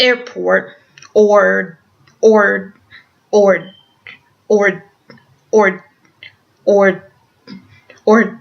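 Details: Stuttering with a repeated word in an adult woman who stutters and also has Tourette syndrome.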